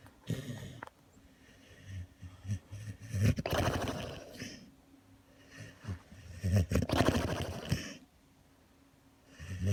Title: Snoring & Dreaming Jeremy the Kerry Beagle